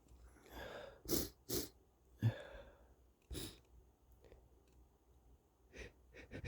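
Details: Man's stuffy wet sneezes: several sharp, wet-sounding sneezes with congested sniffling breaths between them.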